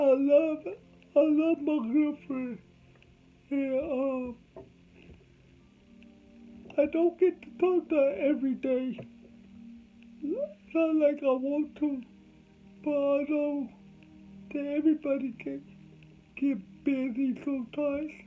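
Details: Adult man with cerebral palsy, whom doctors said would never talk; dysarthria (cerebral palsy).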